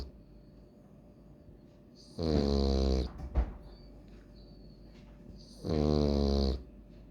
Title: French Bulldog Snoring Like A Grandpa😅😅 l Loki Frenchie